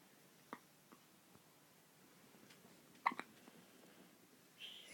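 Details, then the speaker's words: Soft, brief abrupt catches of breath repeated a few times in a quiet room from an infant boy; hiccups. "oh you got your ugly hiccups"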